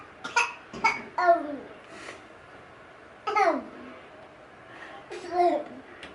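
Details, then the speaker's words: Infant giving several short, voiced coughs with falling pitch, playful rather than distressed; cough. "Is it a coughing baby? Is it a coughing baby? Oh, it's a coughing baby."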